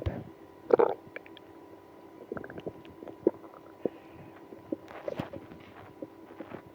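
Irregular gurgles and brief low rumbles from the abdomen: active bowel sounds, stomach growling.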